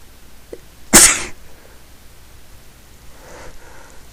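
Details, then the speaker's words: A single loud, explosive sneeze after a short intake of breath, then quiet room noise. "Here comes another one. Okay. Oh, shit. Okay. Oh, fuck, I'm gonna sneeze again."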